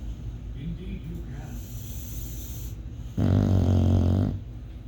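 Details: A single loud, buzzing snore about a second long after quieter snuffling breaths.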